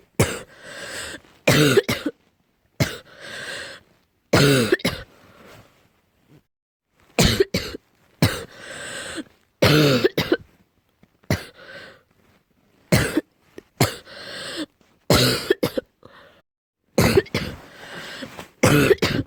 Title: coughing with deep sound